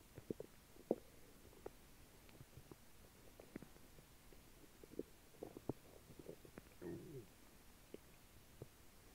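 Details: Slightly upset stomach churning after dry cereal, apple juice and jelly beans: scattered gurgles, squeaks and low rumbles in a quiet room; audible borborygmi.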